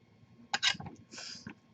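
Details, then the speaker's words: An adult man gives a few sharp, forceful cough bursts and a breathy huff while clearing his lungs during airway clearance; airway clearance cough. "He's clearing his lungs."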